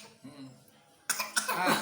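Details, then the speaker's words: An 18-month-old toddler's soft singing breaks into a couple of sharp, loud cough bursts; the toddler coughs after singing until tired. "Kan batuk kan kaget kesel kan nyanyinya udah capek ya."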